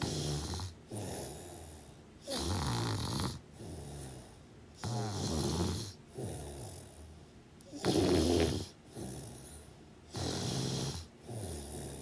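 Rattling snores with softer breaths out, at about 23 breaths a minute, somewhat irregular; typical snoring during sleep.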